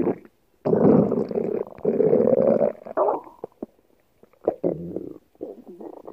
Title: Stomach Growling (PowerDirector) CyberLink